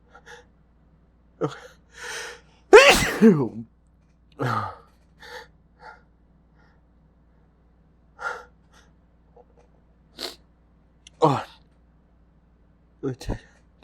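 One strong sneeze with a sharp in-breath, followed by smaller breathy gasps and sniffs: a sneeze brought on by tickling the nose.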